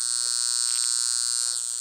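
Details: Steady high-pitched electrical hiss and buzz, shifting slightly near the end: a Lift Wand portable high-frequency facial wand (argon gas glass electrode) plugged into an outlet and running on its high setting.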